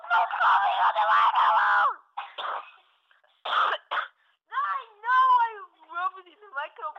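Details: Child giving a run of loud, acted coughs into a microphone, followed by brief vocal sounds.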